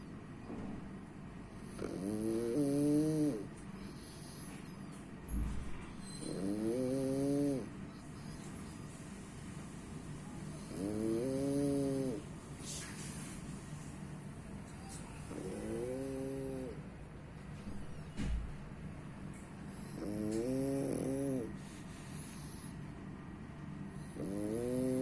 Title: My cutie snoring.